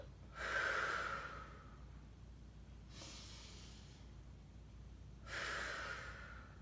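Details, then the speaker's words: Butterfly breathing technique demonstrated in a physical therapy breathing exercise, hands behind the head, closing the arms while exhaling: two strong, rushing breaths about five seconds apart, each forced out with the abdominal muscles. "notice I'm kind of flexing - and my abdominals kind of forcing that air out"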